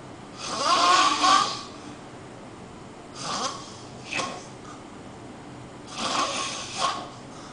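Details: Person asleep on a couch, loud enough to be heard throughout the house: rough, fluttering breathing noises with snorting bursts on each breath in a quiet room; snoring.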